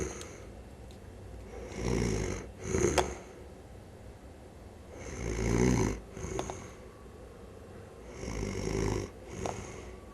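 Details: Band member snoring while asleep after a music festival: irregular rattling snores with snorting on inhalation, about 20 breaths a minute, in a quiet room.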